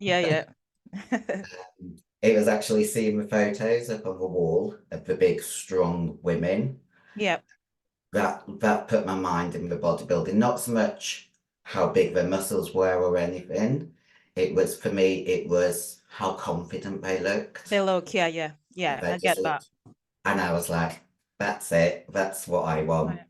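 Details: Female bodybuilder with androgen-induced voice deepening (virilization) after taking large doses of male steroids (performance-enhancing drugs). Her voice was formerly high-pitched and is now very deep, and she can no longer sing.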